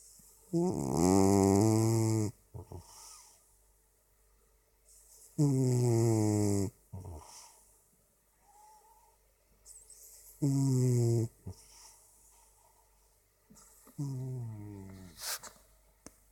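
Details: Black cat sleeping on a black duvet in a dark room, snoring: loud, drawn-out, buzzing snores, about 13 a minute, with quiet gaps between.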